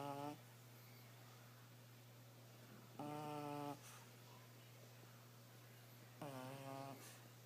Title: Gwen Snoring - puppy pug